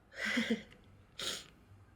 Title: minto sneezing1 short HD